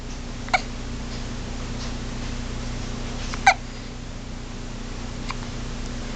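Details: Hiccups from a small animal: three small, sharp hiccups a few seconds apart over a steady room hum.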